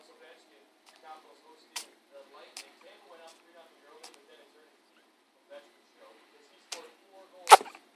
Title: birds coughing